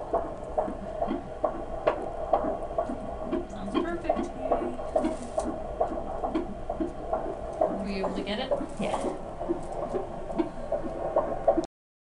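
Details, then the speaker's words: 17-year-old at 36 weeks 5 days pregnant, prenatal appointment: fast whooshing pulses of the fetal heartbeat at about 138 a minute on handheld Doppler, with rustle and distant voices; stated as normal. "baby's heartbeats about 138 which is normal"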